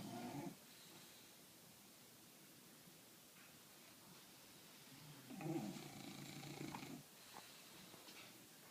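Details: Two English bulldogs asleep, snoring very loudly, roughly in sync.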